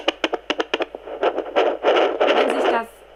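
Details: Fetal Doppler (Sonoline B) on the belly with baby oil as gel, second pregnancy after a prior miscarriage: short knocking thumps, then loud scraping, rushing bursts as the baby moves or knocks against the probe.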